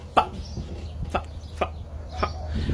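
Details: Four short, sharp clucking or yelping noises in quick succession from an adult male stand-up comedian with Tourette syndrome: vocal tics.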